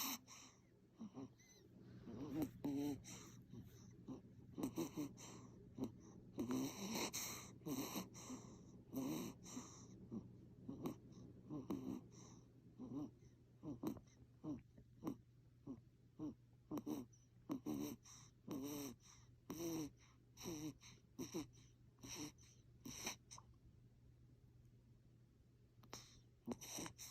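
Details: Sleeping baby making cute snoring noises: soft, repeated snoring and snuffly breathing with a steady low room hum.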